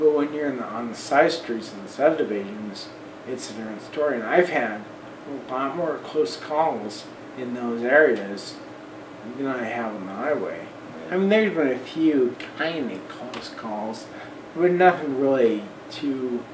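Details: Man of about 40 with Friedreich's ataxia, electric wheelchair user; voice worse than 10-12 years ago, talking more of a struggle and much harder over the last 6 months or so; ataxic dysarthria.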